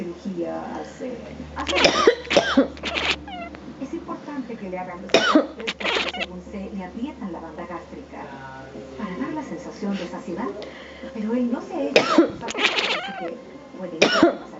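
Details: Cough in a female cat bothered at being kept from sleep: several short, harsh coughing bursts among meows and mouth noises, with a low steady room hum.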